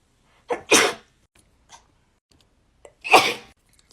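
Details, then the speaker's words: Woman sneezing uncontrollably during a COVID-19 self nasal swab test: two forceful sneezes a couple of seconds apart, the first with a quick intake of breath; swab-induced sneezing. "oh here we go oh my gosh i can't [ __ ] take the test i can't stop sneezing i literally can't see right now"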